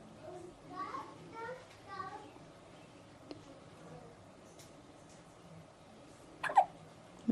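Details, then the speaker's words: Newborn baby, day 2 at home, awake in the morning: soft cooing, then a few brief, sharp catches in the breath typical of infant hiccups, in a quiet room. "he's got the hiccups."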